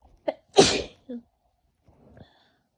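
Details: Person with a cold, congested, who feels it moving to the chest: a sharp inhaled catch, then one loud explosive sneeze with a small trailing sound; a single sneeze.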